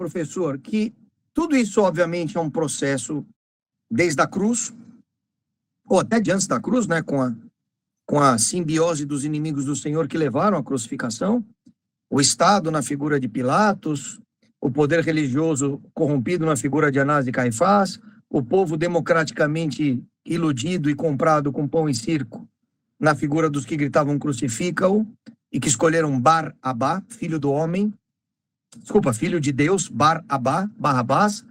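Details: Adult male speaker; normal speech.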